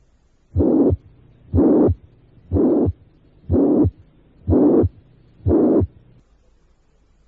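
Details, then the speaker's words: Simulated heartbeat near 60 a minute: steady blowing pansystolic regurgitant murmur filling systole from first to second sound. Holosystolic murmur of mitral regurgitation. "el soplo de la insuficiencia mitral cuando es holosistólico es un soplo regurgitante pansistólico"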